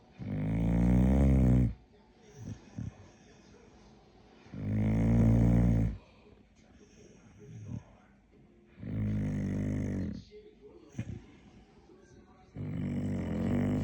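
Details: Dog snoring sweetly at bedtime, with loud, deep rattling snores on each breath, about 15 a minute, and quieter snuffles between them; snoring.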